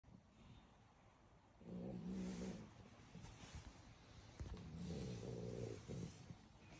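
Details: Sleeping beagle puppy snoring: two low, rattling snores, each about a second long, separated by quieter breathing.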